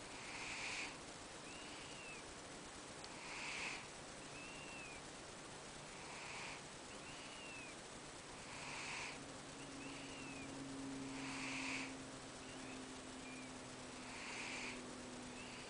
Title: snoring cat